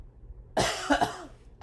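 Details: Voluntary cough performed by a male patient during a head-to-toe assessment before chest inspection and palpation.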